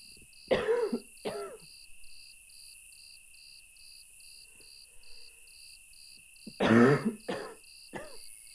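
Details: Adult coughing fits at two in the morning through a thin motel wall: two short fits of loud, harsh, partly voiced barking coughs, about five in all, separated by quiet, with steady insect-like chirping behind.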